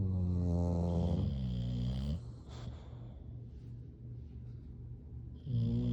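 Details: Sleeping bulldog (Hank or Lucy) giving loud, deep, rattling snores, a long buzzing snore, a quieter pause, then another snore starting, with snorts; snoring.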